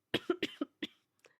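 A quick run of about five coughs, slightly wet and rough, from an adult with a lingering productive cough after a viral illness.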